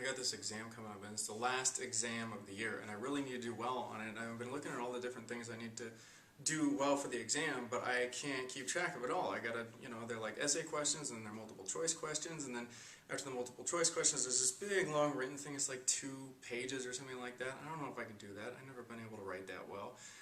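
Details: Acted client relating exam worries in list form with anxiety, demonstrating a racing thought process; racing thoughts (acted).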